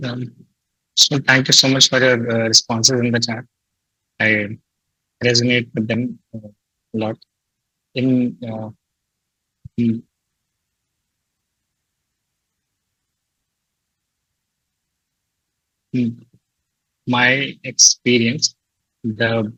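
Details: Adult male who describes himself as a person who stutters; stuttering.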